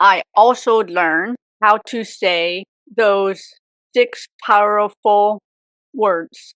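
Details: Aphasia in an adult woman, 18 years after a severe stroke at age 44 that also left apraxia; chronic post-stroke aphasia.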